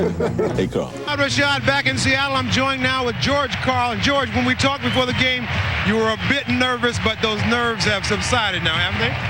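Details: Adult man speaking; Normal voice.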